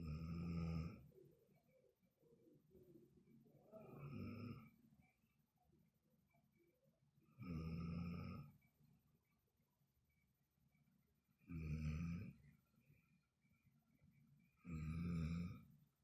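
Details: Sleeping person snoring: loud, rough, rumbling snores recur about every four seconds, roughly 17 a minute, with quieter breathing between; heavy snoring.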